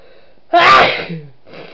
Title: Sneezefest, three